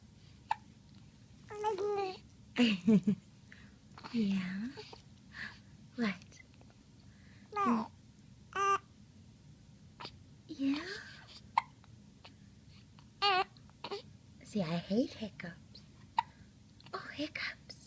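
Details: Happy hiccups; brief sharp gulping catches recurring every couple of seconds between soft babble and Spanish-speaking voices; hiccups.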